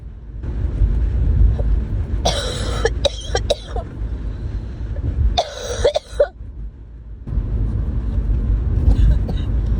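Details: Acute cough during illness, since recovered: two bursts of harsh, repeated coughing over a steady traffic-like background rumble.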